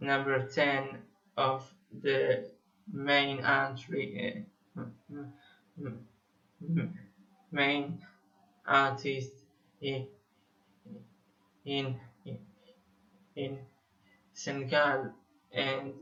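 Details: 25-year-old Israeli male musician who has stuttered for almost 21 years; repetitions audible; stuttering.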